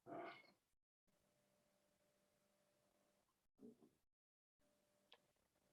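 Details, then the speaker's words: Stomach rumbling during a yoga twist stretch, hand reaching to the opposite heel: a short squeaky gurgle, then a softer second gurgle; normal bowel sounds. "It's a good stretch in abdominal organs. You can hear my stomach rumbling."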